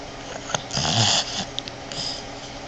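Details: Boston Terrier (female) sleeping with owner, snoring like a man; single rough snorting inspiratory snore with sniffs and snuffles from a small flat-faced dog; snoring.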